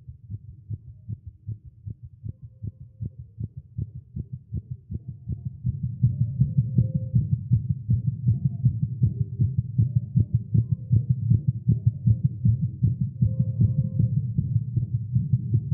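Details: Male heartbeat recorded live after exercise and caffeine: rapid, steady beat at about 158 beats a minute, growing louder partway through, a fast heartbeat (tagged irregular heartbeat).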